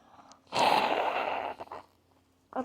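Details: A person deliberately makes themselves sneeze: a single loud, explosive sneeze with a sharp burst of air, then a brief breath.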